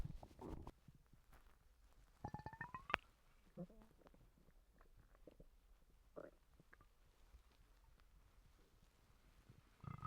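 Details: Stomach noises from someone recently sick and vomiting: quiet scattered gurgles and one rising squeal-like rumble from the belly, stomach rumbling.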